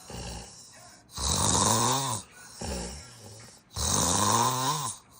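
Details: Real footage of intense snoring with breathing pauses (sleep apnea): loud, harsh, rattling snores on both inhaling and exhaling, about 23 breath sounds a minute, each ending abruptly.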